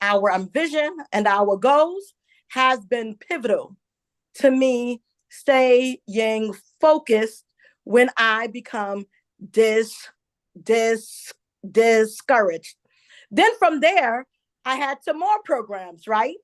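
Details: Adult woman, self-described stutterer; stuttering.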